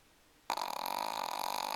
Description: This is my dog Misha, sleeping in her favorite spot by the kitchen window. She snores,,,loud!